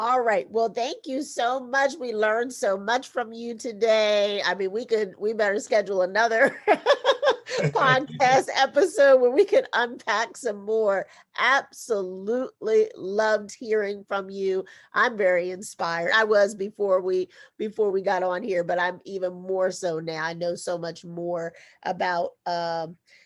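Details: Adult woman speaking; normal speech.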